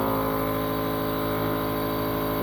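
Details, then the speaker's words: Drive Pacifica Elite nebulizer compressor running, drawing in room air and compressing it into tubing to aerosolize liquid inhaled medication for asthma: steady mechanical hum with a constant motor drone. "It takes in room air, and it compresses it, sends it into the tubing."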